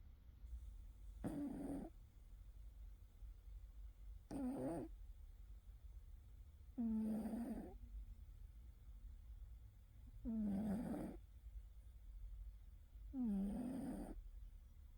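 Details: Cat snoring loudly in deep sleep: five soft, rattling snores, about 20 a minute, against quiet room noise.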